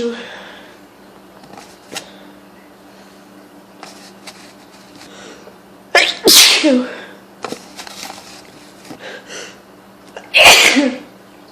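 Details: Person with hay fever sneezing repeatedly: two loud, explosive sneezes, each with a sharp intake before the burst, in a quiet room.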